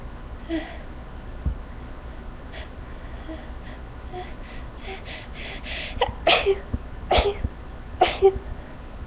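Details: Person sneezing after walking into a room with flowers that set off a sneezing fit; the end of the fit: three sharp sneezes about a second apart in a quiet room.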